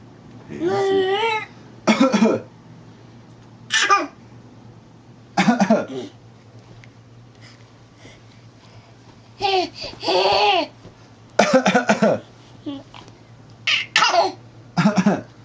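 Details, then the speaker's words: Deliberate, playful copycat coughing: a child who is not sick imitates another child's coughs, trading short coughs back and forth with babbling and giggly voices in between. "are you coughing you're not even sick"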